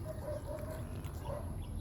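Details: Dog after feeding suddenly gives rapid, repeated honking snorts, a reverse sneezing episode.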